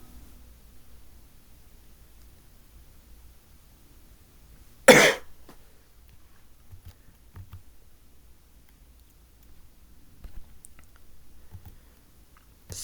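A single loud, harsh cough burst in a quiet room; an isolated cough.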